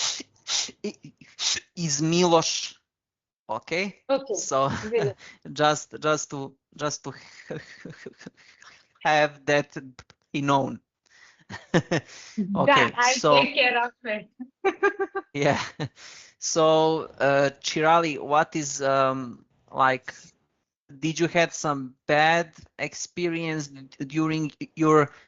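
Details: Adult man who stammers; he changed his speaking speed on advice from a stuttering group; stuttering.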